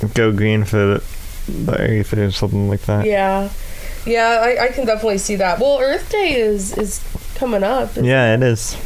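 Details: Adult speakers in conversation; typical speech.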